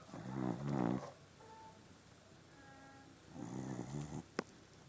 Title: Aldog, ang asong malakas maghilik (snoring).